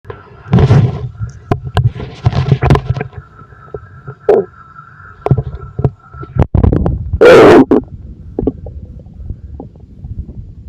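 Low gurgles and rumbles come and go, with rubbing and handling noise; ordinary stomach growling.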